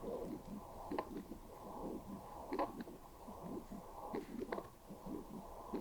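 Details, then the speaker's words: Pulsing, slow, uneven Doppler whooshes from a horse in its mid-20s, recorded with ultrasound Doppler. The aortic valve shows leaking, and the murmur was barely audible by stethoscope and intermittent; valve regurgitation murmur. "Now you can hear the murmur. I couldn't hear that well with my stethoscope. Look. Set the Doppler function. Why haven't we used this before? You can hear the murmur now."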